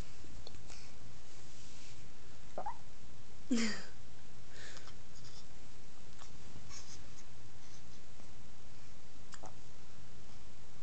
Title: 8/10 hiccups